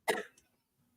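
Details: Never-smoker with long-standing respiratory trouble she traces to a respiratory infection at age 13, saying something doesn't close properly: a single short, harsh cough burst with a faint after-sound, then quiet: cough.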